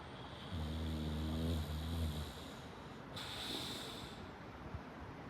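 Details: Sleeping English bulldog snoring loudly: deep rumbling, fluttering snore on each breath, with a hissing breath out.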